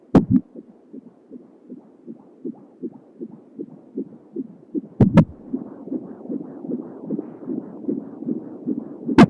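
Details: Home Doppler at 31 weeks of pregnancy, baby girl with hiccups and kicks: rapid regular whooshing pulses near 140 a minute with a few loud probe knocks; fetal heartbeat.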